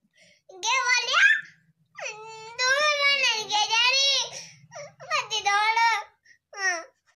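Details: Young child cries in high wavering wails broken by short pauses, an ordinary fussing cry.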